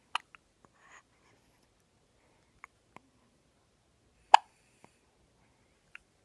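Soft, sharp clicks at uneven intervals in a quiet room, one louder than the rest, fitting hiccups.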